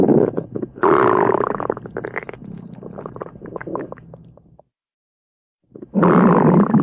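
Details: Stomach growling at a sleepover: loud, long gurgling and rumbling bursts with bubbling pops, a pause, then another rumble; borborygmi.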